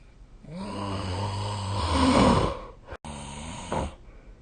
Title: 🐽 本日のイビキ / Snoring Sleep Sound 2025/04/23